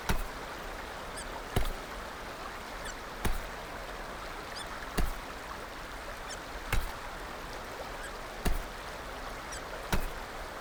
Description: A video of just her hiccups...